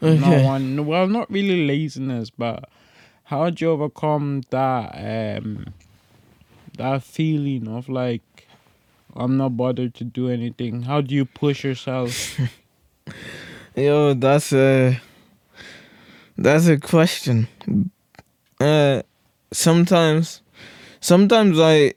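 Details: Podcast host with cerebral palsy, severe stuttering in childhood treated with speech therapy and still frequent; conversational speech with word and phrase repetitions; stuttering.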